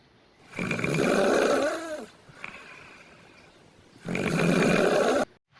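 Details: Loud rattling snores on the in-breath, two long snores separated by a quieter breath, from a sleeping adult recorded at night on video; the person later claims they were awake with eyes closed, not sleeping.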